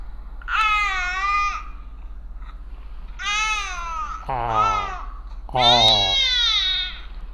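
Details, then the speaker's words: Infant tired/sleepy cry starting with an "ah, oh" sound: baby is tired, sleepy, yawning, and wants to be picked up and comforted. "now the second sound of the cry started with ah oh oh so this me this means baby is sleeping baby wants to be picked up and he wants to be comforted in the bed he's tired and he's feeling sleepy"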